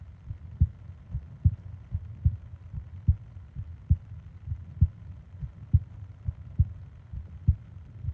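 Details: Japanese 20-minute ASMR sleep recording of heartbeat and breathing sounds: steady low double thumps at about 72 a minute, regular rhythm; normal heartbeat.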